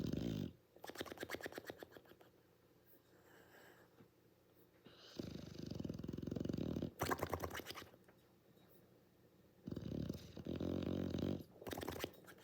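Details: Sleeping pit bull dog snoring: loud, rattling, fluttering snores in repeated long bursts with quiet pauses between, about five breaths a minute; snoring.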